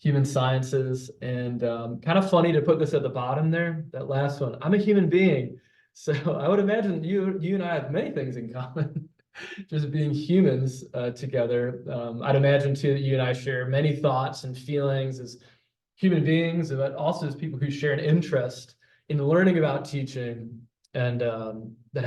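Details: Adult man, a speech-language pathologist who says he stutters and will stutter throughout his presentation; stuttering.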